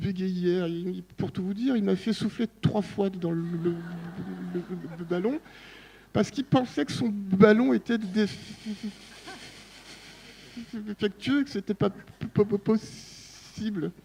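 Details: Adult man at a stuttering association colloquium who accepts his stutter; part-word and phrase repetitions audible; stuttering.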